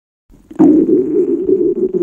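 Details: Hunger stomach growling (borborygmi) from a girl on a diet: a long, low, drawn-out gurgling growl lasting over a second.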